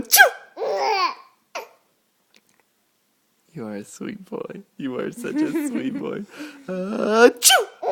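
A sharp sneeze burst at the start and end, with laughing and babbling voice between; sneezing.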